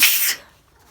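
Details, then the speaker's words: A single sharp, hissing sneeze that fades quickly into quiet, at the end of a sneezing bout just before bed. "okay but uh i'm gonna go to bed i think my sneezing's finished so good night"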